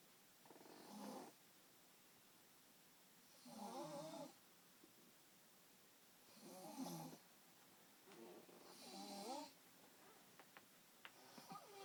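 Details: Soft, irregular snoring on the breaths, about five in the clip, in a quiet bedroom; a woman snoring in bed; snoring.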